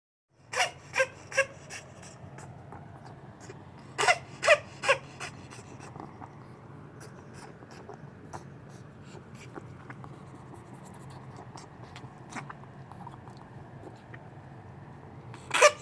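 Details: Ferret coughing fit, attacks 2-3 times daily for two years, undiagnosed after X-ray and ECG: short clusters of sharp, harsh cough bursts, about seven in all, interspersed with heavy breathing, over steady room noise.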